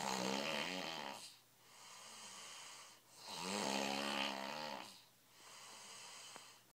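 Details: Loud buzzing, rattling snores on each in-breath with softer breathy out-breaths, about 20 breaths a minute; heavy snoring.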